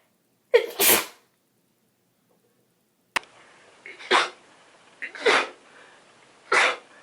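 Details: Run of four sharp, explosive sneezes in rapid close succession; a sneezing fit.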